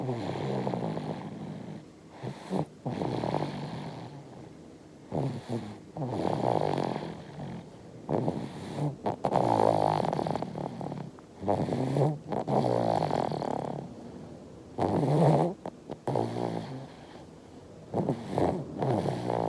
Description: 5-month-old baby is snoring, and drinking milk in the dream.